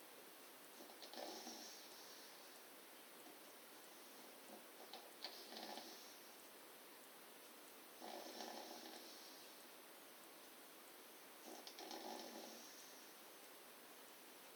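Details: Snoring recorded on an Android phone: soft, rough, noisy breaths repeating every few seconds over hiss, in keeping with a sleeping dog.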